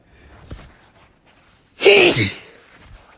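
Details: A single loud, explosive sneeze after a quiet intake of breath, with faint room noise.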